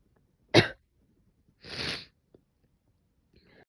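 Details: Female with a cold, itchy nose and ongoing cough: a sharp sneeze burst followed by a hissing exhale, then faint sniffles.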